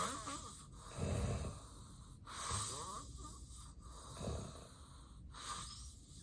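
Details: Real, unacted daytime nap by someone with daytime sleepiness, recorded as snoring with sleep apnea episodes: loud, irregular snoring and heavy, rough, struggling breaths about every 1.5 seconds; obstructive sleep apnea snoring.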